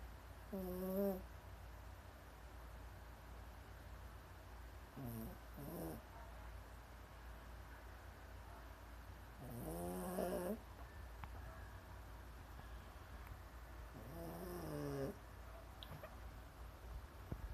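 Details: Animal snoring in sleep, not her loudest, until she wakes: slow, rattling breaths every four to five seconds, about 13 a minute, over steady room hum.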